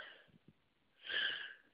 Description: I hate tree pollen! Just one of the many pollen related sneezing fits I have on a normal spring day.